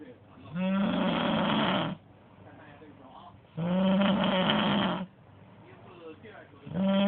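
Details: Very loud snoring: rough snores about 20 a minute, each over a second long, with quiet gaps; faint television speech in background.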